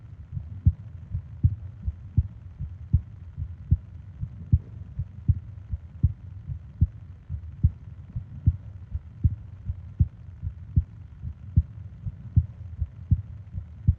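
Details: Japanese sleep ASMR recording of heartbeat and breathing sounds, 20 minutes long: steady soft heartbeats at about 78 a minute over a low background hum; normal heartbeat.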